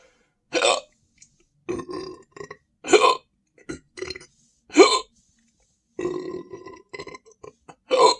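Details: Adult standing and drinking more Sprite, saying the stomach feels heavy, really full and tight: repeated short, loud burps in quick bursts, ordinary belching after a fizzy drink.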